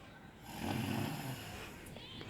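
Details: Someone snoring to irritate a woman, per the caption, while splashing water on her and pretending it is a sneeze: one rough, low snore-like rattle in a noisy room, possibly an imitation; snoring.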